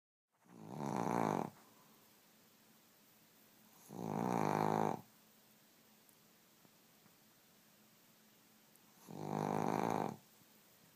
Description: Cheddar the Pug snores like a grown man with nasal issues!!